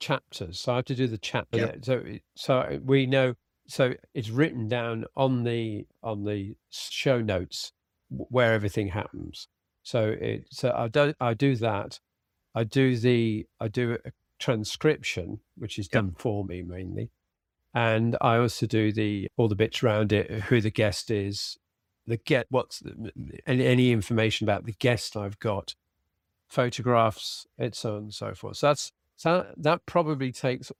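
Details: Man with aphasia after a sudden stroke, treated with speech and language therapy; aphasia.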